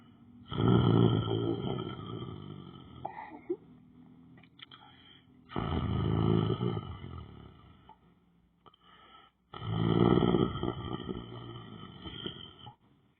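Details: Person lying on the floor asleep, snoring heavily: three loud, rough, low snores on in-breaths about four to five seconds apart, quiet out-breaths between, roughly 13 breaths a minute.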